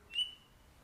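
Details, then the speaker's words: Audien Atom small CIC amplifying hearing aid being put into the ear: a brief high-pitched whistle, the typical acoustic feedback on insertion. "Whatever you prefer, but you have to brace yourself for feedback when you are putting a amplifying hearing aid in your ear."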